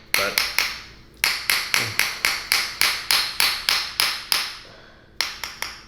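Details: A rapid run of sharp, loud mechanical clicks in bursts with brief pauses from a chiropractic adjusting instrument during a neck and back adjustment.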